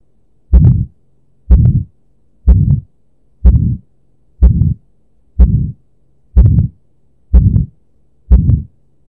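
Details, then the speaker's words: Heart auscultation in a patient with severe aortic stenosis and a heavily calcified aortic valve on echo: regular heartbeat near 62 a minute, each beat carrying a harsh aortic stenosis murmur. "ce bruit bekkat correspond à la contraction très forte de l'oreillette gauche contre un ventricule gauche prg époque en pliant voici le bruit lors de l'auscultation d'une sténose aortique"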